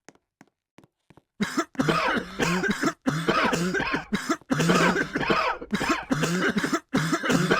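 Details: Repeated loud, harsh adult coughing in close bursts after a few faint clicks.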